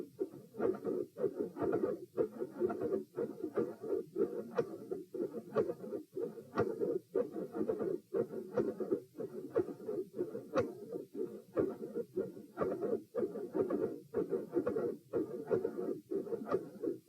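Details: Heart recording at position P with the patient sitting, played in slow motion: sharp, high-pitched clicks that appear mid-systolic over a rough murmur each cycle; mid-systolic clicks with murmur.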